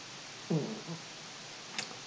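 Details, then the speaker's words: Brief low, wavering gurgle rising and fading in a quiet room, then a faint click: stomach growling (borborygmi) from hunger in an adult man who has not eaten breakfast while drinking whiskey. "that was my stomach growling still haven't eaten breakfast and this is my ninth whiskey so started to feel it a little bit"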